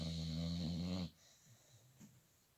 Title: Snoring Dog